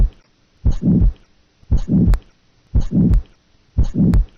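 Steady heartbeat near 58 a minute, each first sound running into a low rough whoosh before the second sound: a systolic murmur.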